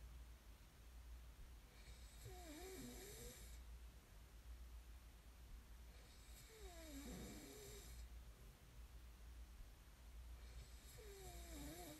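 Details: Snoring recording made as sleep ASMR: three loud, rattling snores on the in-breath, about 13 a minute, over a steady low room hum.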